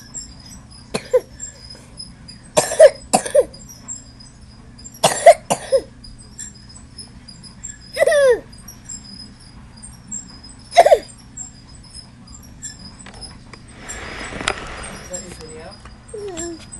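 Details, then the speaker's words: A toddler son makes several short, voiced pretend coughs: an imitated, voluntary fake cough rather than an illness cough. "yes tune in to grindbone tonight to help cure my poor son's fake cough"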